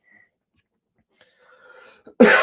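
After near silence and a faint breath in, one loud, harsh cough bursts out and is cut off at the end; a single chest cough.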